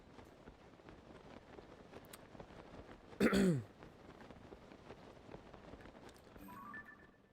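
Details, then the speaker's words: A single brief, forceful throat-clearing burst from an adult man in a quiet room, who complains of a terrible feeling in his throat while livestreaming. "what a terrible feeling in my throat I'm so sorry I'm sure the sound of me uh hacking and coughing here is really lovely to uh to listen to"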